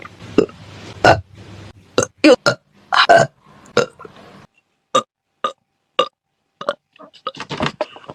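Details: A string of short burps from a female singer during her livestreams, some louder and some soft, with brief gaps between them; repeated belching in a compilation.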